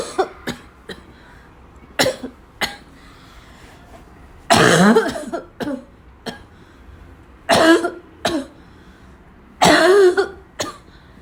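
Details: Afternoon coughing fit in a girl that starts weak and grows violent: repeated short coughs building into louder, harsher bursts with throat clearing and snorts, about a dozen over ten seconds.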